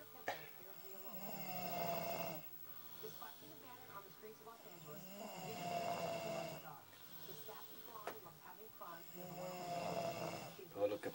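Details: Man snoring in sleep: slow, rough snoring breaths, about 15 a minute, with a whistling, fluttering edge and some background noise.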